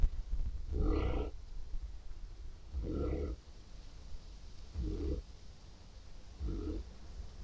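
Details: Deep, rumbling snores recurring about every two seconds, with a coarse low vibration on each breath, from a sleeping Neapolitan Mastiff dog: snoring.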